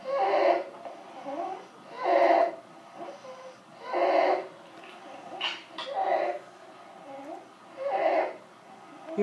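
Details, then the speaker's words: Child with croup in an EMT paediatric teaching recording: harsh, high-pitched breaths about 31 a minute, loudest on inhaling with quieter exhales, with visible retractions; inspiratory stridor from throat swelling making inhaling very hard. "okay so again it's that noise mostly on the inhale as um something some swelling in the throat that goes along with C is making it really really hard for the kid to inhale"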